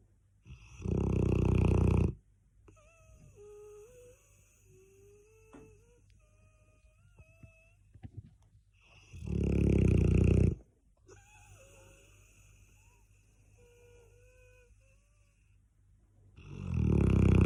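Loud, rough snores from a sleeping large dog, with quiet whistling nasal sounds between breaths, about 7 breaths a minute; snoring.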